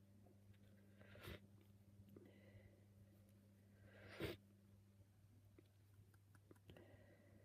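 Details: Messy, wet cold sneezes, uncovered, after sneezing all day: two brief explosive sneezes against quiet room noise with a faint hum.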